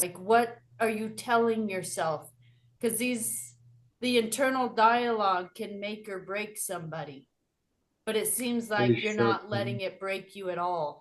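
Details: Adult woman speaking; normal speech.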